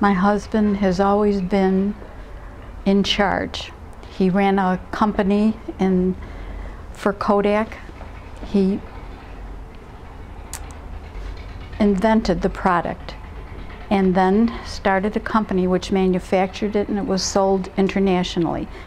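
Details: Adult woman speaking; Normal speech.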